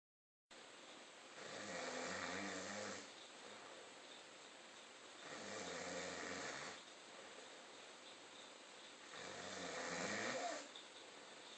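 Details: Snoring: three long, rough snores over steady room hiss, about fifteen breaths a minute, each a low rattling vibration on the in-breath.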